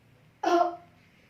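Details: Nursing student demonstration of an effective cough exercise after deep breathing practice, meant to expel airway secretions: a single short, forceful, deliberate voluntary cough.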